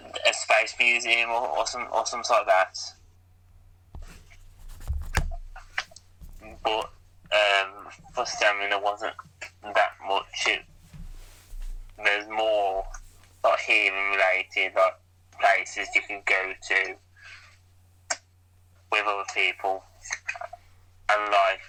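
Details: Man who still stammers, much less severe than years ago, with repetitions of sounds or words and noises lasting a few seconds, pauses and broken phrases: stuttering (stammer).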